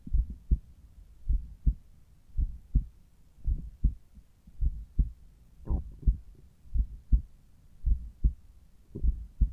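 Paired lub-dub heart sounds at the apex, roughly 60 to 70 beats a minute, with some handling noise.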